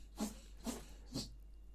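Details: Sneezing: a young boy gives three quick, soft sneezes in a row in the background of a recording, heard faintly in a quiet room.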